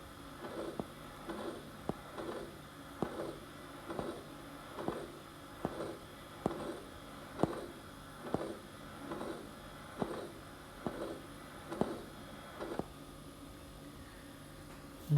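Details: Steady heartbeat near 70 a minute, each beat followed by a harsh crescendo-decrescendo systolic ejection murmur with soft S2; aortic stenosis, commonly age-related calcification in patients over 60.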